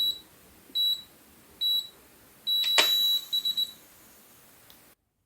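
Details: Automatic blood pressure monitor sounds during a blood pressure measurement: high electronic beeps at intervals, a longer tone with a click, then quick triple beeps as the reading finishes.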